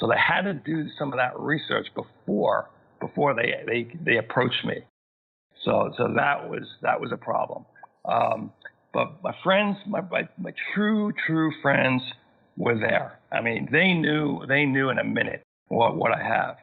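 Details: Man who had a massive stroke at age 41 causing global aphasia; thirteen years later still has aphasia, needing more time to process sentences and find words; aphasia.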